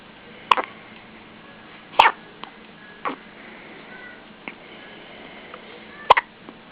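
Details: Baby with hiccups: brief sharp gulping sounds spaced irregularly, three or four stronger ones over several seconds, over a steady background hiss.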